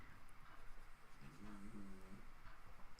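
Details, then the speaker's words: Faint, low, rumbling snore from a sleeping dog in a quiet room; the owner says it is her normal snoring and is not caused by her donut. "And that's Myrtle snoring in the background. That's not because of her donut. Yeah, that's just normal Myrtle snoring."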